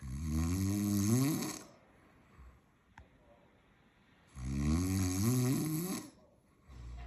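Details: Snoring: two long, loud, rattling snores with quiet breaths out between them.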